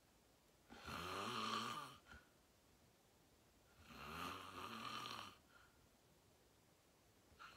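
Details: Self-recorded sleep video, fell asleep at 8:45 in deep REM sleep, tagged sleep apnea: two loud rattling inspiratory snores with quiet out-breaths between, quiet room; loud snoring.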